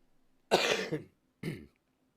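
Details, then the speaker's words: Two rough, loose productive coughs from an adult recovering from illness, clearing chest congestion and bringing up phlegm after earlier dry coughing. "I'm doing a lot better IR you can hear me coughing and getting some of the congestion out"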